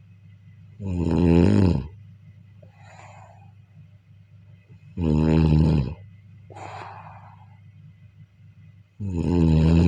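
Three deep, vibrating snores, about 14 a minute, with soft breathy sounds between them and a low background hum.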